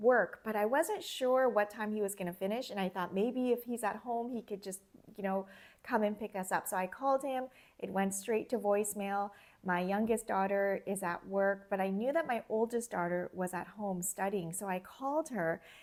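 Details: Adult woman speaking; Normal speech.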